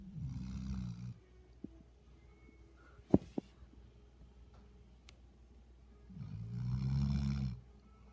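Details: Soft, low snores about every six seconds with quiet breathing between, from a sleeping Labrador puppy: snoring.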